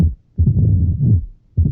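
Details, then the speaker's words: Mitral stenosis (Duroziez rhythm), best heard with the stethoscope bell, patient seated leaning forward: loud first sound, opening snap after S2, then a low-pitched mid-diastolic rumble that builds before the next beat (presystolic accentuation). "A este ritmo, a todos estos sonidos en conjunto se le conoce con el ritmo de Durossier, es el cardiólogo francés."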